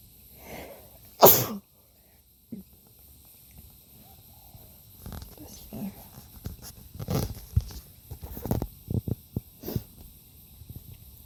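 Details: One loud sharp sneeze burst outdoors in the Australian bush, then quiet outdoor sounds and faint sniffles; an ordinary sneeze.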